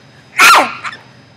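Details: 20-year-old woman with Tourette syndrome; certain thoughts trigger her vocalizations and stress increases her tics; vocal tic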